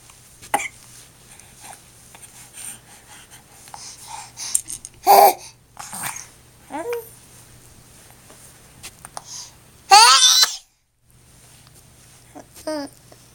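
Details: Soft infant babbling and small vocal sounds broken by two abrupt, loud baby sneezes, the second sharper and clipped short: sneeze.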